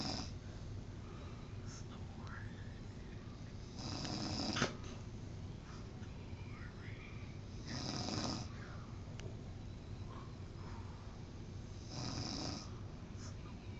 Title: The Snoring Beauty